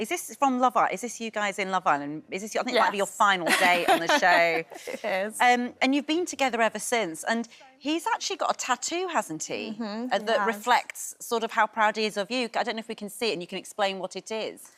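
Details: Adult woman speaking; normal speech.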